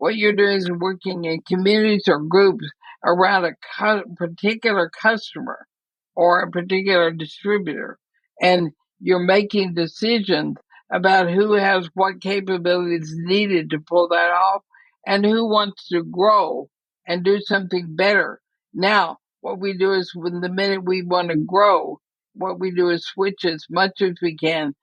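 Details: Dysarthria in a woman near 80 with ALS (Lou Gehrig's disease); she says she is already having quite a bit of trouble speaking but believes she is still intelligible.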